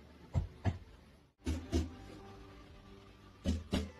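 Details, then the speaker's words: Flat percussion note, physiotherapy chest percussion demonstration, middle finger striking the other hand's finger placed in an intercostal space parallel to the ribs: three pairs of brief, dull taps with almost no ringing. "a resulting sound at the time of the percussion depends on the density of the tissue or organ"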